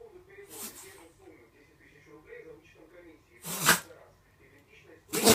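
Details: Bulldog grunting, groaning and puffing, and sneezing loudly.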